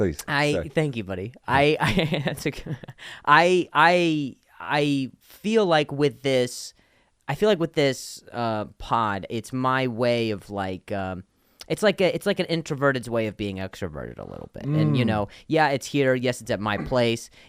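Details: Adult man whose stutter followed an injury, long a source of insecurity, and has gotten much better; stuttering.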